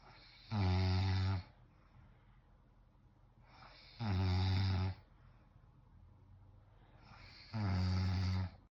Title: VOLUME UP!! Whew Chy!! 😌 #snoring #husbandandwifecomedy #fyp #funnyvideo